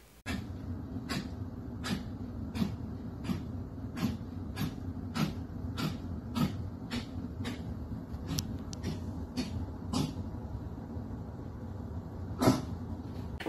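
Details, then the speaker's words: A vaccinated dog with mild kennel cough, developed days after doggy daycare, gives a long run of small, short, nagging coughs in steady succession, often ending in a gag or spitting up. "in this video you will see a very small nagging cough that is repeated over and over and over so the client the pattern gets nervous also at the end you'll usually see a gag or some spitting up this is very common to clear the throat after some coughing either mild or severe coughing from kennel cough"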